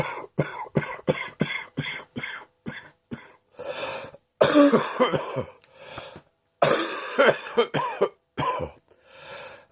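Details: Adult with a cough now settled in the chest: rapid run of short coughs, then harsher, rougher coughing bouts.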